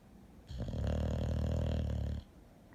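A single loud, low, rattling snore lasting under two seconds, in a quiet room.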